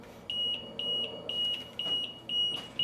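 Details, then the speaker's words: Rapid paired high-pitched beeps: a portable transport ventilator's pressure alarm; sensitivity is set too low, so moving the tube triggers breaths. "Pressure alarm too, but see what I'm getting at? So you want to increase your sensitivity because you're trucking on down the road, you can't figure out where they're overbreathing the vent."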